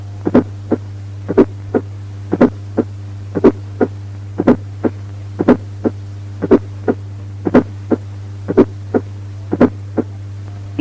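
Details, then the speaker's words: Regular heartbeat near 60 per minute with a soft fourth heart sound (S4) just before each first heart sound. "Fourth heart sound just before the first heart"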